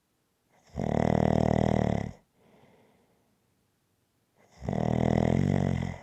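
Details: Steady rhythmic snoring: two long, loud, buzzing snores on in-breaths with a soft exhale between them.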